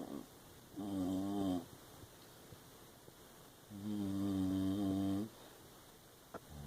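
Two long, droning, vibrating snores about three seconds apart, with quiet pauses between them; loud dog snoring.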